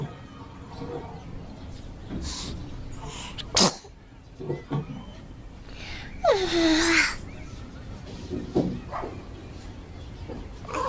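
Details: A single sharp sneeze from a cat, with a short squeaky cry and faint room noise.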